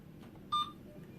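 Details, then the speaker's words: A single short electronic beep in a quiet room as an Alaris syringe pump is started after programming the drug, for example 50 mg in 5 ml, signalling the infusion has begun. "so once you have everything programmed in there all you have to do is hit start and"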